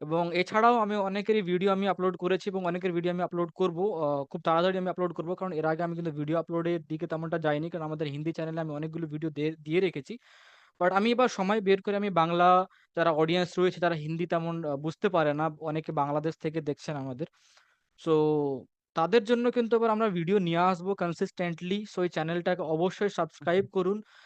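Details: Adult male speaker; fluent speech.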